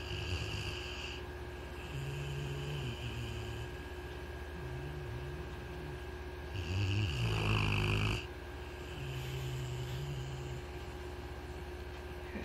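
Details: Low, buzzing snores repeating with each breath over a steady hum of room noise; ordinary snoring.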